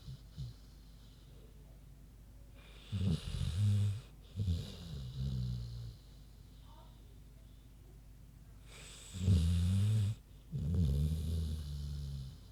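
Deep, rumbling snores from a sleeping pig, each breath coming in two rough low bursts.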